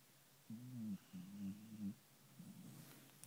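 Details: Three low, rough, humming snores in quick succession in a quiet room; snoring.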